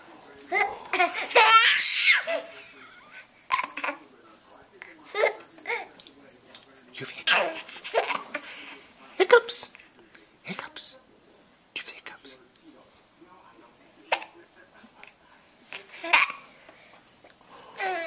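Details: Laughing baby recorded with a Flip Video camera: short, sharp catches breaking in between the laughs; infant hiccups.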